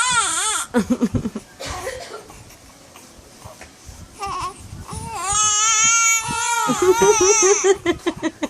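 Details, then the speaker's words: More than one infant crying in a small room, loud rhythmic rising and falling wails over adult Tagalog chatter, the babies egged on in a crying contest; ordinary infant crying. "oh palikan pahabaan ng iyak panalo"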